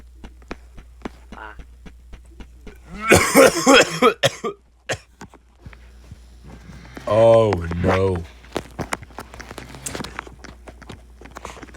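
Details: Two harsh, rapid coughing bursts with strained voiced throat sounds, separated by quiet keyboard and mouse clicking, while a person plays a Roblox game; violent cough.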